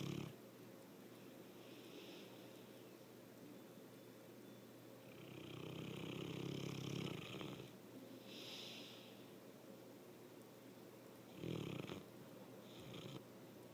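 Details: Loud snoring in a sleeping pet, possibly a dog, that gets louder over the recording: soft, breathy snores come and go with sleep breaths over a hissy background.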